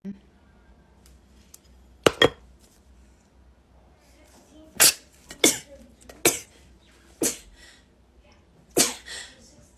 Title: TikTok Rapid Sneezing Compilation